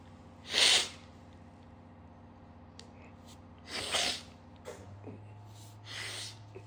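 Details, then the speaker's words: Person sniffing sneeze powder to trigger sneezing: three hissing, airy "hishoo" sneeze bursts with sniffing between them over steady room hum; sneezing. "Um and I know it takes a little few seconds here to get the get the sneezing going."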